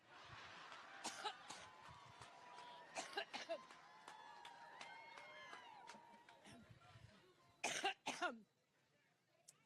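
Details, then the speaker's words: Adult woman's coughing fit during a Cleveland campaign speech on Labor Day 2016, which she attributes to allergies: several short, harsh cough bursts in pairs over crowd noise and cheering. "kind of talking so every time I think about Trump I get allergic"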